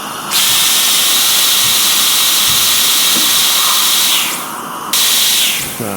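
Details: Dentist treating a patient's teeth and fillings in a large air-conditioned surgery: steady high-pitched dental drill whine with hissing suction, pausing and restarting, with the dentist's voice coaching the patient; dental drill sound effect.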